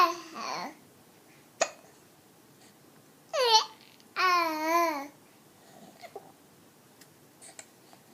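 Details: 4-month-old baby hiccuping while cooing and babbling: infant vocal sounds broken by a sharp, abrupt hiccup catch.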